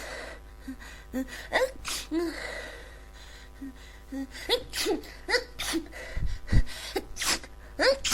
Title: Congested Cold Sneezing